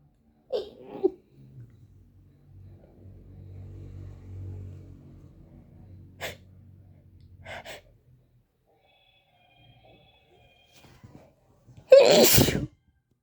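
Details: Person who thinks they have the flu and has sneezed up to 45 times in a row today: quiet breaths and small catches build up, then one loud, forceful sneeze bursts out.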